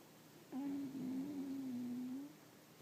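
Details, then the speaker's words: Dog snoring in a quiet room: one drawn-out, low, whistling, tonal breath lasting under two seconds. "Good job, Samson. Nice snoring. That's my dog snoring."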